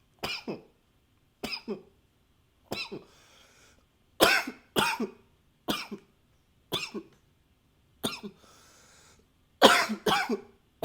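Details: Recorded with a new high-fidelity microphone: about eight short paired coughs, each a sharp burst then a softer follow-up, with quiet breaths between; repeated coughing.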